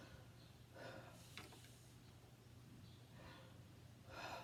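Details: Normal breath sounds over the lower lobe, auscultated during a chest exam demonstration.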